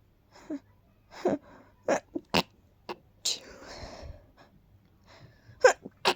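A run of breathy, stifled sneezes with sharp bursts and gasping in-breaths between them.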